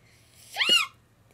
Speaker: I have the hiccups. Again, for all of you who've seen my last video, I have hiccups again. These are my natural hiccups, not making them up.